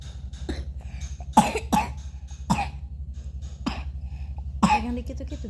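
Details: Young child's cough that alarmed the mother; the child was active and playing again by midday. Several short, moist coughs over a low background hum. Cough.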